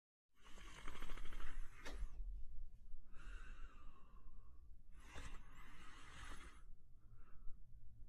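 Slow, noisy sleeping breaths with rough snoring on the breath in and soft sighing breaths out; ordinary snoring in a sleeping dog.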